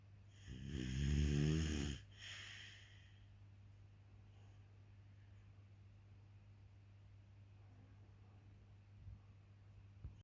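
One loud, deep, vibrating snore on breathing in, followed by a softer breath out, then quiet with a steady low hum in the room.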